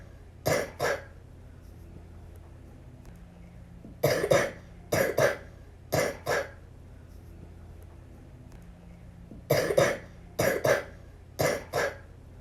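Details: Little girl with the flu coughing repeatedly in harsh paired bursts.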